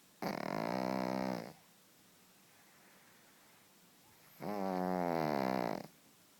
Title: Pug snores!